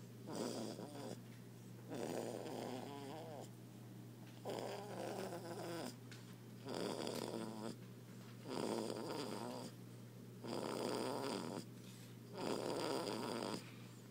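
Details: Baby snoring: loud, rough snoring sounds with each breath, about 30 breaths a minute, over a steady low electrical hum; snoring.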